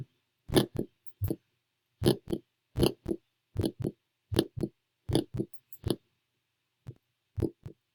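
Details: Adult female patient in a virtual comprehensive assessment: paired lub-dub beats at a steady rate of about 80 a minute, no extra sounds or murmur; normal heart sounds at the tricuspid area, simulated.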